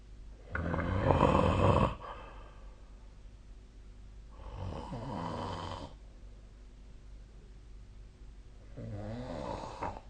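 Harsh, rumbling snores on each breath in, with quieter ones between and room hiss in the background: ordinary heavy snoring.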